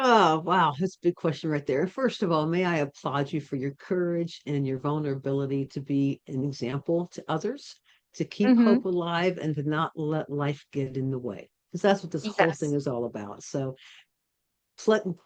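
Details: Adult woman speaking; Normal speech.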